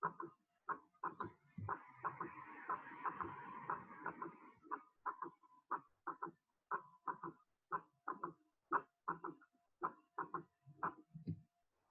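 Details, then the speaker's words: Third heart sound (S3) after S2 at about 60 beats a minute, soft early diastolic gallop; teaching example, linked to ventricular diastolic overload, dilatation or systolic dysfunction, physiological in under-30s. "Cuando se asocia con taquicardia puede dar una cadencia de galope, que se llama galope ventricular. ¿Sí? ¿En qué situaciones va a estar en de causa patológica? Siempre que haya enfermedades que generan una sobrecarga diastólica del ventrículo, dilatación del ventrículo y disfunción sistólica."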